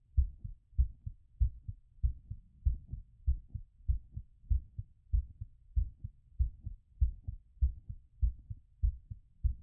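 Regular, quick low heartbeats at about 97 a minute, heard as the heart recovers after exercise; a normal finding.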